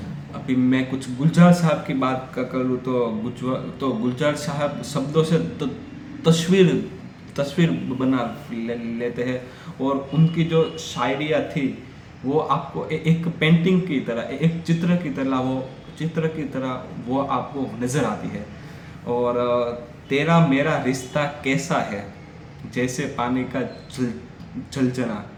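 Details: Stuttering (stammering) in an adult male, speaking Hindi during a storytelling practice segment, after 3-4 months of daily speech practice that he says has given him considerable control.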